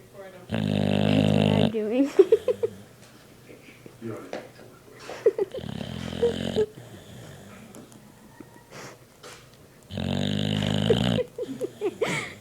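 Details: Loud, harsh buzzing snores about every 4–5 seconds with fluttering, snorting sounds between them; heavy snoring.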